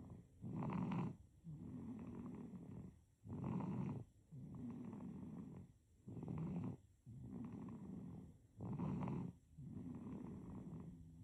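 Repeated snoring breaths, a harsher rattling phase alternating with a softer one, roughly 16 breaths a minute.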